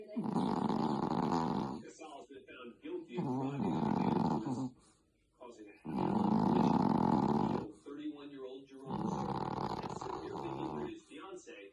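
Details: Chihuahua snoring in sleep: loud, rough, rattling, long drawn-out snores, about four in twelve seconds, with quieter snuffling between them; heavy snoring in a small dog.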